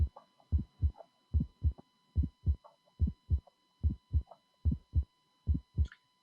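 Regular heart sounds at about 72 a minute, each first sound followed closely by a brief sharp click: an aortic ejection click. A voice starts at the end.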